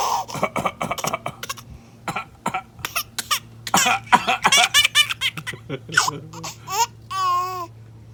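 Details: An infant laughs in quick bursts, mixed with brief coughs, ending in a drawn-out squeal.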